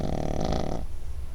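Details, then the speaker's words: Snoring from a sleeping Pekingese dog: a single loud, low, rattling snore lasting under a second, fading to quiet breathing. "Is he snoring? Ozzy. He's snoring, baby. He's snoring. He's snoring. He's sawing logs."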